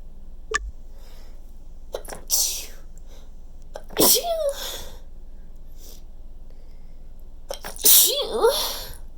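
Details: A person whose nose is already tickling badly gives two forceful, very wet sneezes, each with a breathy inhaled build-up before the burst, against steady room noise: sneezing.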